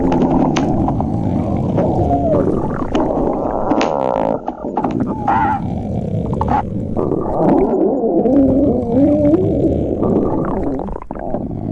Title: stomach growling